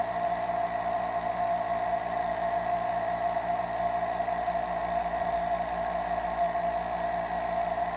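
A steady, even motor drone with a mid-pitched whine and a fast regular buzz throughout: a nebulizer compressor running.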